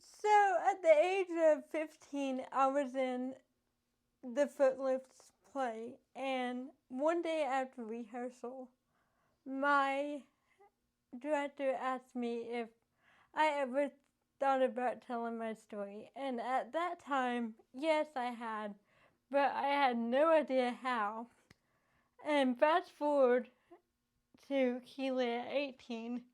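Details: Adult woman with cerebral palsy from lack of oxygen and bleeding in the brain before birth, affecting her speech; dysarthria (cerebral palsy).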